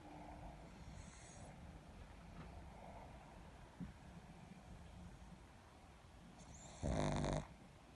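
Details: Sleeping pug snoring: low rumbling snore ending in a louder snorting breath.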